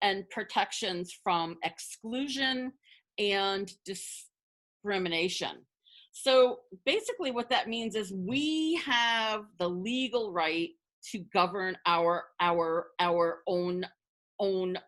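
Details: Adult woman who identifies as a person who stutters, speaking spontaneously as a webinar panelist, with word and part-word repetitions; stuttering.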